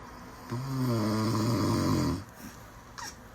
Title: Ranking Babies Reaction To Snoring 👶💀 #baby #babyreaction #snoring #tiktok #shorts